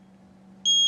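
A steady high-pitched electronic tone sounds from a carbon monoxide breath monitor, with a clinician's voice over it in a small room.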